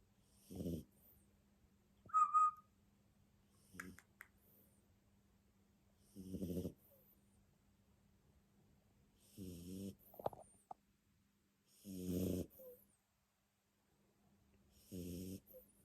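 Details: Jack Russell Terrier snoring: short buzzing snores about every three seconds, with a faint whistle between some breaths.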